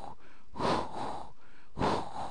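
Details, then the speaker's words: Continuous rumbling murmur heard in both systole and diastole, swelling with each beat, a machinery murmur from continuous high-to-low pressure flow in patent ductus arteriosus. "lo a ver cómo aparece mire sistólico diastólico entonces traduce un flujo continuo de sangre a través de una cavidad de una alta presión de una baja eh alta presión a baja presión"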